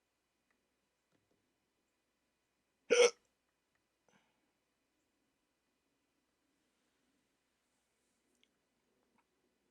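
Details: Rare 14-minute hiccup attack in an adult with sleep apnea, after waking from sleep with a CPAP mask: a single sharp, abrupt hiccup breaking the silence, then quiet.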